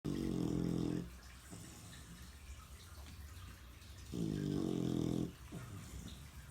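Two long, loud, buzzing rumbles about four seconds apart, with quieter breathing between them: loud snoring.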